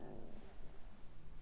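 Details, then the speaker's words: A quiet, low, rolling stomach gurgle (borborygmi) from an adult woman, occurring each time she sips tea. "so sorry if you can hear that can you hear that my stomach every time i take a sip of drink is gurgling maybe it doesn't like this tea but i really like it"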